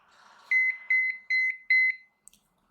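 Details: Alaris IV transport pump after start: four loud, high-pitched paired electronic beeps signalling a fault such as channel obstruction or cassette jam needing attention; infusion pump alarm.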